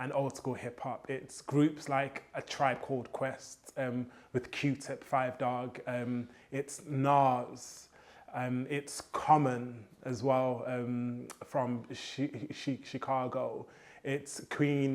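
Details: Adult male poet with a stammer since childhood, who says copying rhythmic hip hop flows helps his fluency; stuttering.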